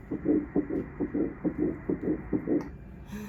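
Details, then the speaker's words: Whooshing, galloping pulses at about 134 beats per minute, normal for this stage: a fetal heartbeat on Doppler at the first ultrasound at a fertility clinic, in an embryo-adoption pregnancy. "There's a heartbeat. Is there? Yep. Yay! Yep. All right, ready? Yes. We're gonna listen to the heartbeat first."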